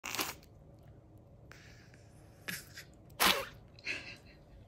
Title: Big juicy dog sneeze by tiny Cedric 🤧😉😆 #chihuahua #dog #funnydog